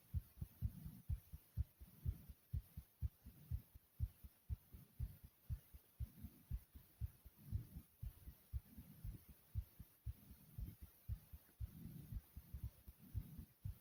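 Regular low thumping beats, about 60 a minute, in a quiet recording: a normal heartbeat.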